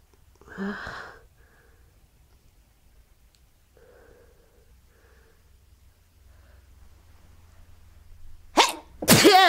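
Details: Sneezing fit on waking in the morning: one loud sneeze, quiet breathing, then two more sharp sneezes close together; person can't stop sneezing.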